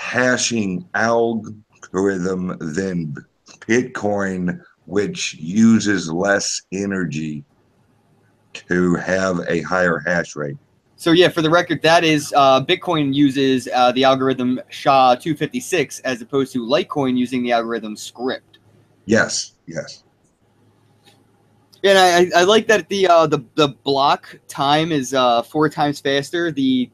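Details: Self-reported speech impediment of unspecified type in a man; disfluency; speech impediment.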